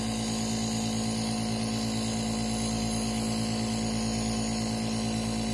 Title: asthma attack, nebulizer time